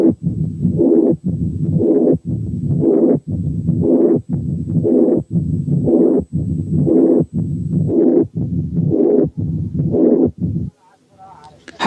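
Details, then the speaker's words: Combined mitral stenosis and mitral incompetence, heard over the mitral area with the stethoscope bell: pansystolic murmur and mid-diastolic murmur. "9 كانت حالة combined ماترال ستينوزيس وماترال انكومبتنس فيها بان سيستوليك ميرمر وميد دايستوليك ميرمر."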